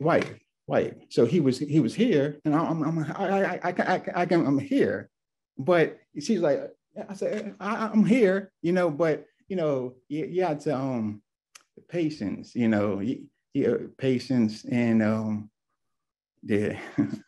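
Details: Adult man, two years after a left-brain stroke with multiple clots; real stroke survivor; aphasia with word-finding difficulty.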